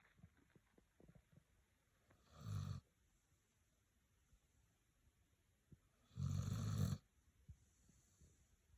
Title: Snoring like you’re in the zone